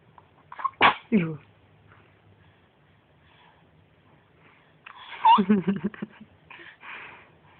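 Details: One sharp sneeze followed by a smile, soft babbling and gentle vocal sounds in a quiet room.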